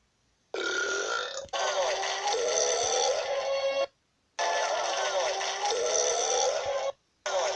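Two long, loud, rumbling burps, each lasting about three seconds, separated by brief silence.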